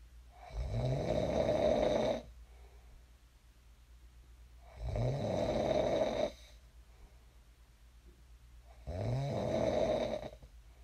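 Low, rattling snores on each breath in, about 15 a minute, with quiet breathing between; ordinary snoring.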